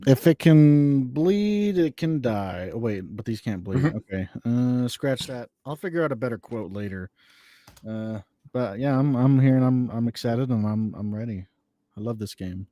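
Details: Adult male speaker; ordinary speech.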